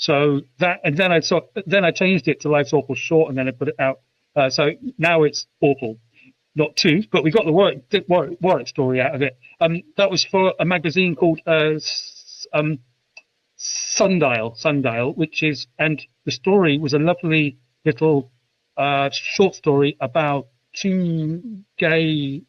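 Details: UK adult man who has stammered since about age 5, intense for 20 years, with speech therapy at about age 24; stuttering.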